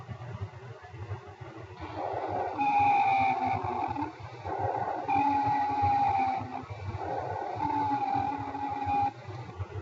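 Three long, high musical whistling notes recur with breathing over faint background noise: an expiratory wheeze.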